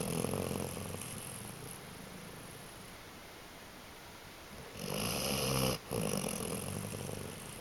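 Rough, rattling snoring breaths with a quieter gap between, over steady background hiss.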